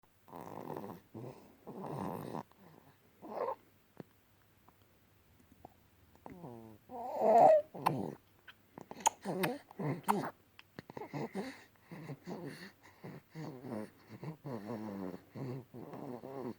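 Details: Infant asleep after nursing and a warm bath: soft, irregular snoring and snuffling noises with quiet pauses between breaths; infant snoring.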